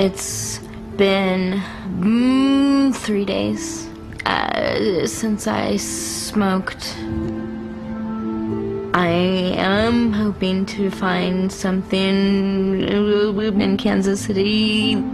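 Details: Adult woman with congenital cerebral palsy affecting motor function, with right-sided weakness and pain; severe stutter resulting from her condition. Finding: stuttering.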